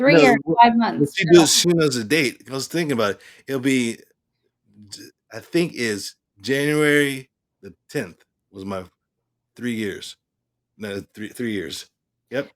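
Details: Adult male stroke survivor with aphasia after stroke; aphasia.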